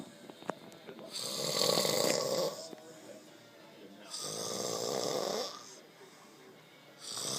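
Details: Loud, rough, rattling snores on each in-breath, about 20 breaths a minute, with quieter out-breaths between, from an adult man sleeping after a long hard day of work; snoring.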